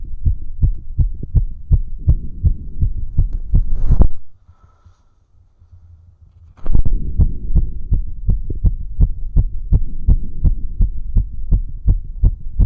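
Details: Severe sinus tachycardia after exercise on a rowing ergometer, heard by stethoscope auscultation: very fast, steady heartbeats, roughly 160–170 a minute.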